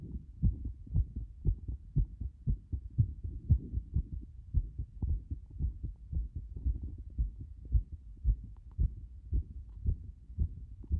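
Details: Heart sounds with frequent arrhythmia: a fast heartbeat near 115 per minute with uneven spacing between beats, an irregular rhythm with frequent extra beats.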